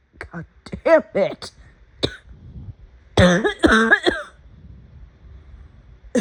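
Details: An afternoon coughing fit: a run of about ten short, harsh, partly voiced coughs in quick clusters.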